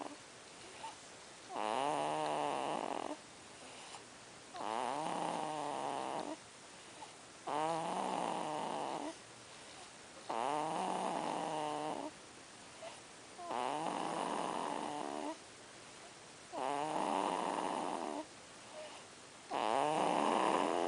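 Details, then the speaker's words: 3-month-old baby girl snoring loudly at night while asleep and smiling, with rhythmic harsh noisy breaths at about 20 per minute. "The baby is snoring. The baby is snoring loud."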